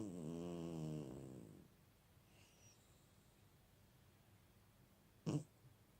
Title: Snoring cat